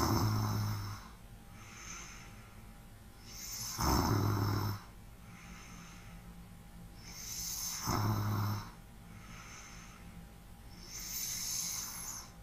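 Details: ASMR relaxation recording of light breathing with rumbling snores on each in-breath, about 16 a minute, and softer airy out-breaths between; snoring.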